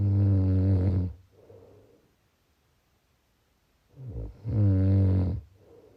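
Two deep, droning snores on the in-breath, each followed by a soft breath out. This is loud, low snoring.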